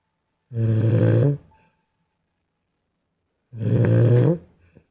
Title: Poor Baby Snores Like Dad